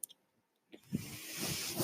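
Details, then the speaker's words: A brief quiet gap, then a rising, steady breathy hiss: the speaker's own mechanical ventilator pushing air, which he points out while talking in a podcast recording. "okay my name is that noise hearing is my ventilator"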